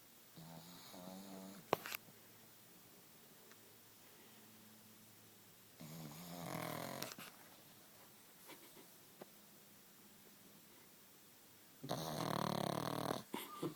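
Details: Snoring from a 9-month-old Pug fast asleep on a sofa: three rattling, buzzing bursts over about fourteen seconds with quiet pauses between.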